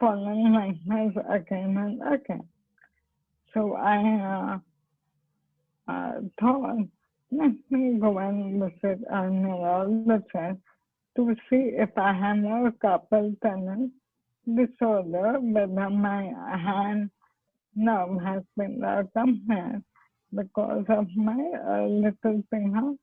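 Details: Dysarthria in amyotrophic lateral sclerosis (ALS/motor neurone disease) in an adult woman, a doctor who is herself an ALS patient, speaking spontaneously.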